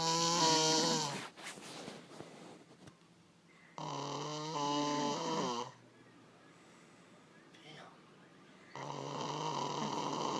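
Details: Snoring during sleep: loud, rough bursts with a buzzing, fluttering quality, separated by quiet pauses.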